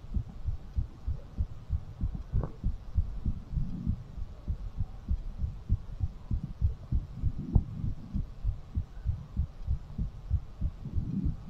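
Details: Fast heartbeat after exercise, ASMR recording: rapid, steady, muffled thumping heartbeat over a soft hiss.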